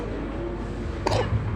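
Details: Sick infant coughing, attributed to cigarette smoke exposure; a single short, harsh cough over steady low room noise. Cough.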